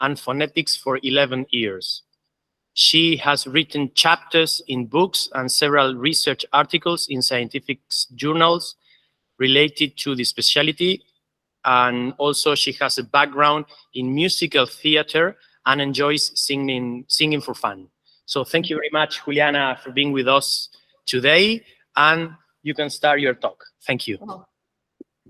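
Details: Adult male speaker; normal speech.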